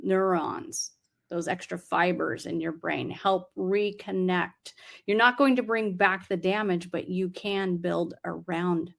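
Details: Adult speaker; ordinary speech.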